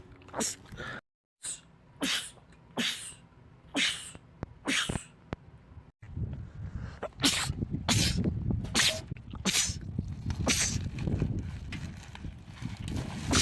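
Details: Male, from a compilation of rapid sneezing attacks in men: about a dozen short, sharp sneezes, some in fast bursts, over a noisy background; repeated sneezing attack.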